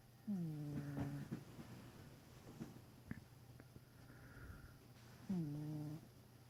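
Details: Sleeping cat snoring: two low, buzzing, tonal snores about five seconds apart, with quiet breathing between.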